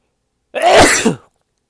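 One short explosive burst of air with voiced onset, a single sneeze; quiet room.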